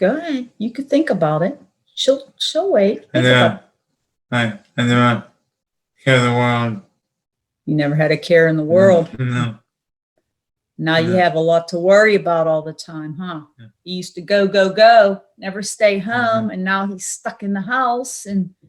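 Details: Adult speakers in conversation; speech.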